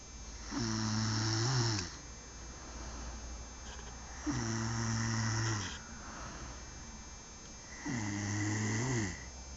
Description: this is a video of mine snoring at night......oh GOD i didnt knew i snored in the night.....